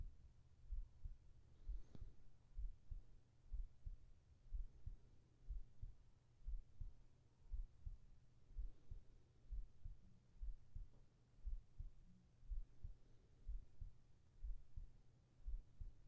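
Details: ASMR heartbeat recording for sleep, with whispered voice: soft, steady heartbeat at about 60 beats a minute under a low hum; normal heartbeat.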